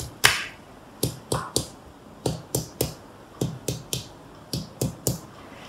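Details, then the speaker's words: About thirteen sharp percussion taps in small groups over the lower chest to find the lung border. Resonant notes turn dull at the lung-liver border, a normal finding. "Nah, di sininya berubah dari sonor ke redup. Jadi batas parunya di sini ya."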